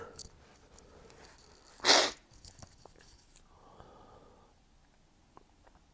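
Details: Stifled sneeze in a male having repeated sneezing fits every 30–60 minutes on a cold morning: one brief muffled burst of air held back in nose and throat, quiet room.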